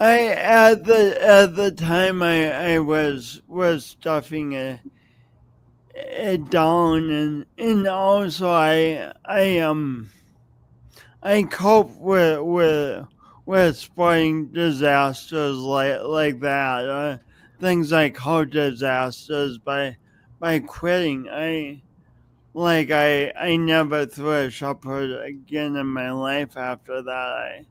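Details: Adult with a long-standing speech impediment, audible whenever they speak and present for many years; stuttering.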